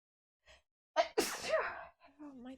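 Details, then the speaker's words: Person who has been sneezing a lot and wonders if allergic: a quick inhaled catch, then one loud explosive sneeze and a short voiced trailing sound; a single natural sneeze. "my I'm going to sneeze give me one second I think it's happening again"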